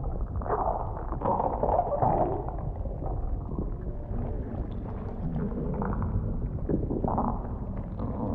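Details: Simulated A4A vore ASMR roleplay from the prey's point of view inside the belly: continuous low gurgling and rumbling with bubbly surges as a lazy pred digests and keeps snacking; stomach rumbling.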